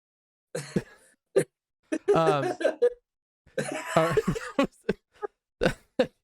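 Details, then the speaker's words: Adult male laughing hard gives short harsh cough bursts mixed with voiced laughter, calling it an "old man cough"; laughter-induced cough. "aaron's still here dude i think i'm dying um i have that old man cough now"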